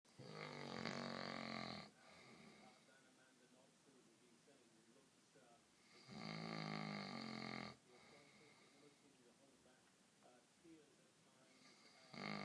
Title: Dad snoring